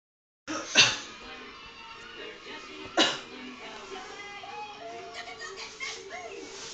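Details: Child gives sharp explosive sneeze bursts, with soft music and faint voices in the background.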